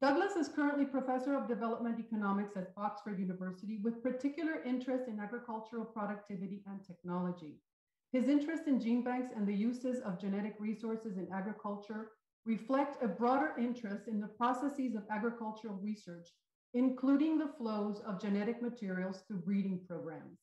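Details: Adult woman speaking; Normal speech.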